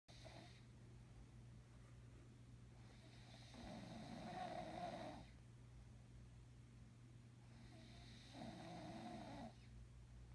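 Two long, rough, rattling breaths in about ten seconds against a steady low hum: snoring.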